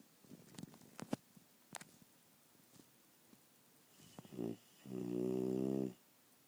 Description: Honey Ham snoring during one of her naps.